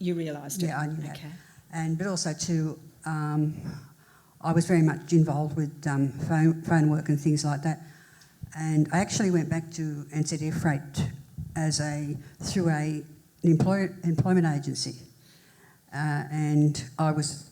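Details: Woman who had a major stroke in 1991 at age 40 (recorded 2024) and left hospital able to say about six words, with poor reading and writing; speech since improved but some difficulty remains: residual post-stroke aphasia.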